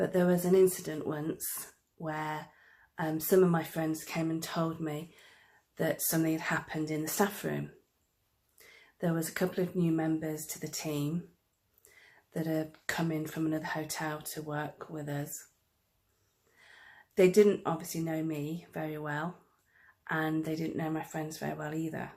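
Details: Adult woman who stammers, recorded for National Stammering Awareness Day 2019; stammering.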